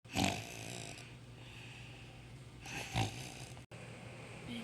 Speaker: Bruh, you're snoring too loud. I can't even go to sleep.